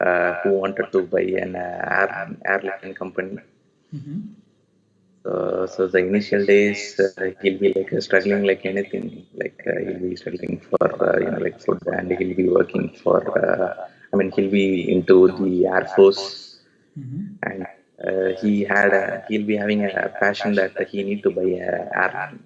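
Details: Adult male with puberphonia (previously high-pitched, female-like voice, sometimes dual voice), speaking after voice therapy with normalized male pitch; pre-therapy recording 4 Nov 2020; voice now reported stable; puberphonia post voice therapy.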